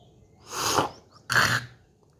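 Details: Morning throat clearing by an adult woman just after waking, with several days of cold, cough, sore throat and fever: two harsh, forceful hawking efforts bringing up thick greenish, creamy phlegm.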